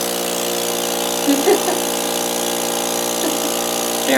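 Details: Cough assist and suction device demonstrated for ALS patients with thick mucus they cannot swallow; steady loud mechanical hum and whine of running suction pump with faint voices.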